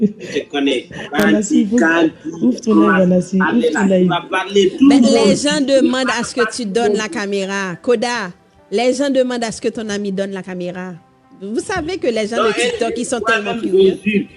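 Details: Adult speaker; normal speech.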